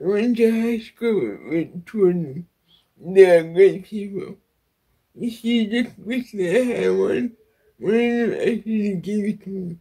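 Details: Adult woman with cerebral palsy speaking; dysarthria (cerebral palsy).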